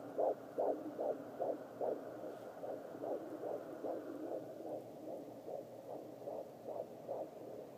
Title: Babies heart rates on fetal heart rate monitor